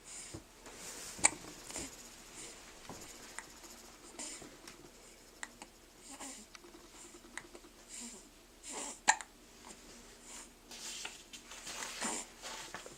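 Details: Baby boy just under three weeks old with hiccups: soft, sharp little jolts at irregular intervals over quiet breathing and faint room noise. Infant hiccups.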